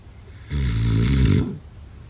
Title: #snoring #snoringasmr #snoringsleepingsoundeffect #sleepsolution #sleepnoises